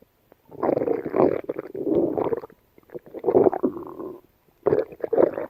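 Gurgling, rumbling bursts separated by short pauses; ordinary gut sounds of a dog.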